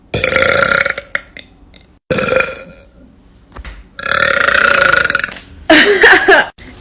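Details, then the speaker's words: Woman burping deliberately on command after drinking an Irish coffee, just learning to do it: four loud, long, voiced belches with short pauses between them. "to all the people that say burping isn't ladylike and that is all I just started learning how to do this so let's give it a shot let's try it again"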